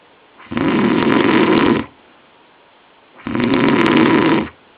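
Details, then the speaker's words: Sleeping man later diagnosed with chronic sleep apnoea: two loud, long, rattling snores about three seconds apart with quiet between; heavy snoring. "He swore he never snored... ...so I filmed him. Loud, isn't it?"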